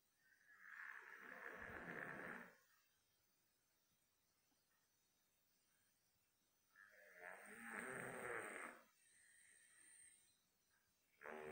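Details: Dog sleeping soundly: two long, rough, rattling snores with quiet pauses between, from air pushing past a partly blocked nose or throat.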